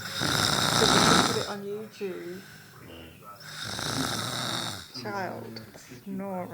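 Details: Sleeping brother: two long, loud, harsh rattling snores with quieter breathing between, faint voices in the background; ordinary snoring.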